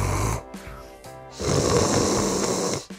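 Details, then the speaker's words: Imitated snoring with rough noisy vibration, demonstrating snoring from a blocked nose, contrasted with throat-obstruction snoring: snoring (nasal obstruction), imitated. "그리고 코가 막힌 건 코골이, 목이 막힌 건 목골이라고 부릅니다."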